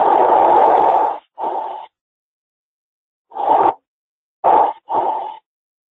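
Simulated chest sounds with soft, rushing breath noises in short bursts, heard as normal breath sounds.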